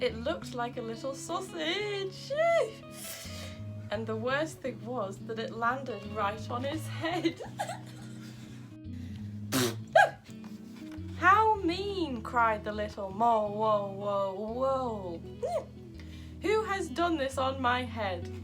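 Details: Adult woman with Tourette syndrome reading a children's story aloud while her vocal tics interrupt the reading; Tourette syndrome vocal tics.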